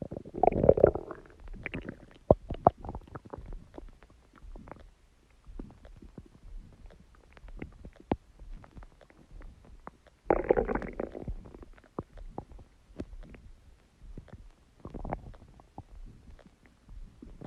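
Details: Irregular gurgles, rumbles and bubbling pops from the belly, with louder bursts at the start and around the middle; ordinary stomach growling.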